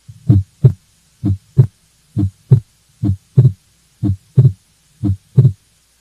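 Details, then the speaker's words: Physiologic splitting of S2: regular heartbeat about 64 per minute; second heart sound single during the first beats on exhalation, then splitting on inspiration, a normal finding. "the first few beats are with exhalation and then the patient inspires and you should be able to hear the splitting of the second heart sound"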